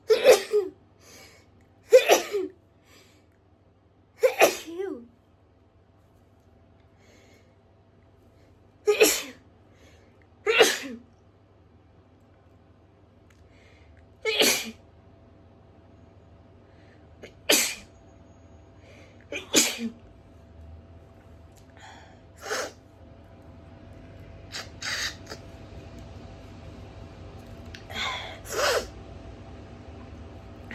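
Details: Adult hayfever sneezing fit in a bathroom, brought on by grass being cut outside: a run of about eleven sharp, explosive sneezes over thirty seconds. Allergic rhinitis.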